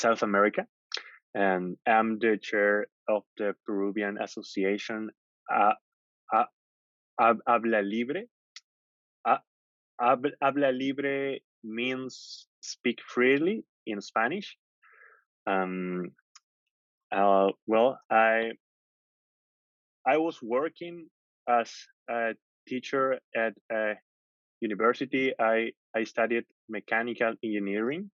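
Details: Stuttering in an adult from Peru who describes himself as a proud person who stutters and chairs a national stuttering association.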